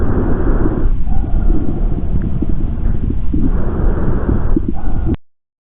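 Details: Respiratory auscultation teaching recording: about two breath cycles heard through a stethoscope, with brief added sounds (adventitious sounds agreed on by at least 8 of 10 pulmonologists) over the breathing; abnormal breath sounds.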